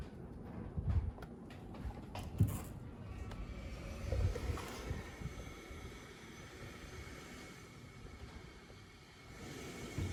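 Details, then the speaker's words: ResMed AirSense 11 CPAP running with heated hose and humidifier on, for sleep apnea, powered by portable battery while camping: soft steady low hum and faint airflow hiss, with a few handling knocks. "as you can see, it fluctuates depending on if you're breathing in, breathing out."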